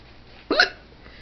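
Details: Woman with hiccups, trying not to laugh, before trying a remedy of drinking water through a paper towel: one short, abrupt voiced hiccup against quiet room noise.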